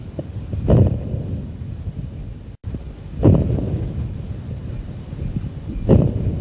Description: Crackles - Early Inspiratory (Rales)